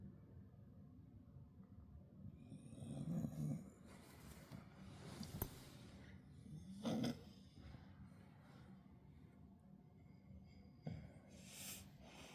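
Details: Dog wheezing, recorded 7/24: noisy breathing with low, rough, slightly musical wheezy sounds on some breaths, about 15 breaths a minute.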